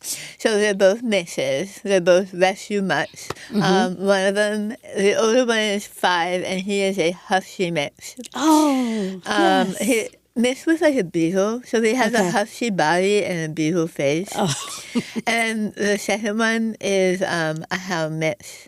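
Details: Adult woman after stage 4 right-sided tongue squamous cell carcinoma (diagnosed December 2021), over half of tongue removed and reconstructed with arm-skin flap, plus neck dissection, tracheotomy, chemoradiation and speech therapy; articulation changes after partial glossectomy.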